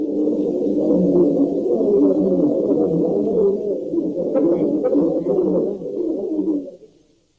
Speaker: once again in the following passages we are filtering out the higher frequencies in both the speech and the background noise notice how the speech is lost in the noise